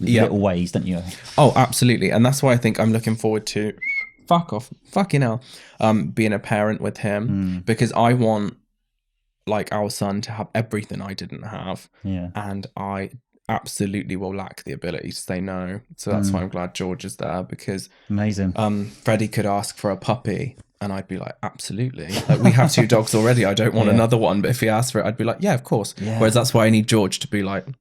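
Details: Tourette syndrome vocal tics in a man diagnosed in his early 20s after brain damage.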